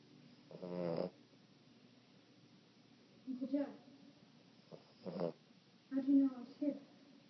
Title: Adventures of Tippi Cute Tipp Boston Terrier Puppy Dog Snoring